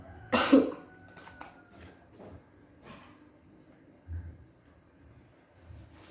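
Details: Effective cough technique in a nursing skills exam (OSCA), acted male patient after warm water and a deep breath held, told to cough as hard as he can: one strong, forceful cough, then quiet breathing.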